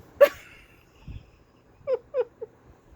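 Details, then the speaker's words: Hiccups in someone who says they usually hiccup only once or twice: short, abrupt voiced gulps repeating in a quick cluster. "I usually only have the hiccups exciting [Laughter] I've never it's like this like ever it's hilarious because I've always been jealous of people hiccup"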